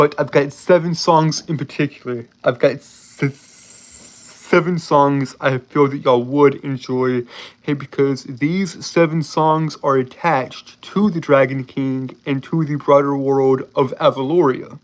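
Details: Adult male with a self-reported speech impediment that makes him stutter and trip over his words throughout; stuttering.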